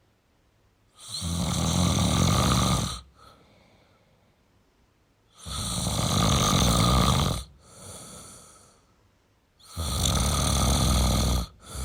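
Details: Male snoring: loud, rough, rattling snores on each inward breath, about three in twelve seconds, with softer breathing out between; heavy snoring.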